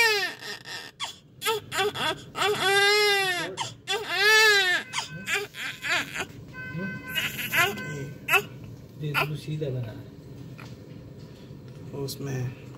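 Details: Newborn delivered by emergency C-section, crying just after birth: loud rising and falling wails with room talk and music behind; normal first cry.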